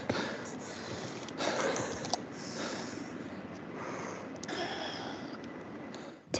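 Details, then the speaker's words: Simulated asthma attack acted in a first-aid training demonstration: loud, labored, snorting, gasping breaths with a faint wheezy edge and difficulty breathing; the person asks for an inhaler. "here's an example of what an asthma attack can look like"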